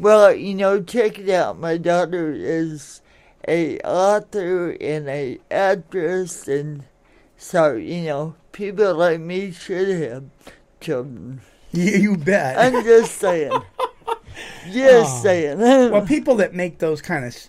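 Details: Adult woman born in 1959 with lifelong cerebral palsy, which she attributes to oxygen being cut off to her brain during delivery, affecting her speech and motor skills; some listeners have difficulty understanding her; dysarthria (cerebral palsy).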